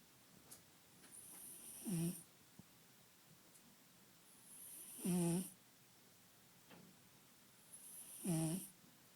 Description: One of our kittens who snores during his siestas :)